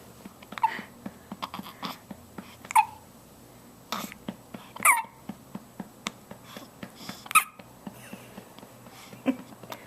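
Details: Repeated hiccups recorded on a Flip Video camcorder: about five short, sharp, abrupt catches roughly every two seconds in a quiet room.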